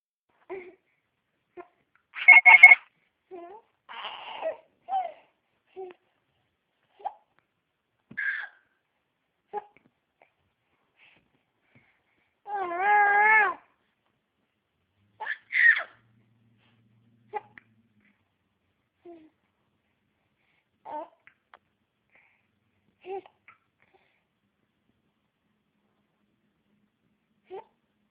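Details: Infant laughing at his own hiccups: brief, irregular hiccup squeaks between short bursts of giggling and vocal sounds.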